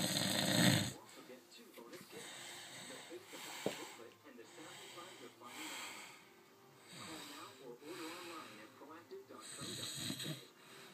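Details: Person snoring: repeated hissing, rasping snores about every two seconds, with some background talk and room noise.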